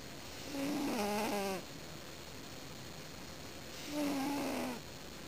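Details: Two long, tonal, rattling snores about three seconds apart from a subject sleeping on a couch, over quiet room hiss; ordinary snoring.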